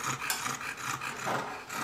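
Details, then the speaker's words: Stertor: harsh, rasping snorts with each rapid breath from a flat-faced dog with brachycephalic syndrome, the classic noisy breathing of upper airway obstruction, presented as a symptom example. "è il classico respiro rumoroso di secolo non credeva silicone su un po l'ingresso ovviamente alla veterinaria ma non riesce a respirare"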